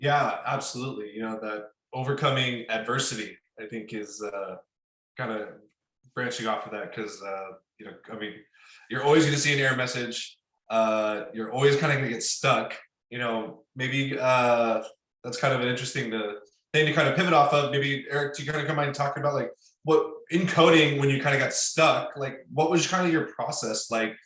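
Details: Adult male speaker; typical speech.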